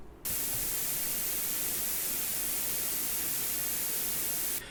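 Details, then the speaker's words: Tinnitus sound-therapy demonstration: steady hissing white noise with nearly equal energy at every frequency, used to mask tinnitus, here following a simulated 2 kHz tinnitus tone. "자 이번에는 아까 백색 잡음을 쓴다고 했습니다 그죠이 백색 잡음은 주파수별로 에너지가 거의 비슷합니다음"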